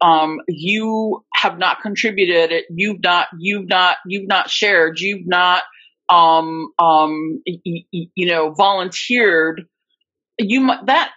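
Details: Adult woman, a covert stutterer for more than 30-35 years, with repetitions of words and parts of words; stuttering.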